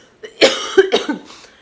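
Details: A brief bout of about three harsh coughs from an adult woman with cystic fibrosis who reports troublesome allergies and says exercise sessions once made her cough to the point of vomiting; cough in cystic fibrosis.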